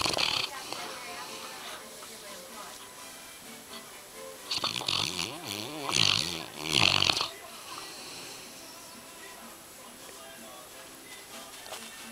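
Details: Sleeping yellow Labrador Retriever dog: three loud, rattling snores in a row with faint room sound around them: loud snoring.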